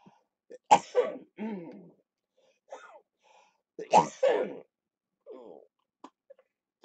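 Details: Productive cough in cystic fibrosis during lower-lobe chest therapy, recorded on a live stream; the patient reports rattling in his chest.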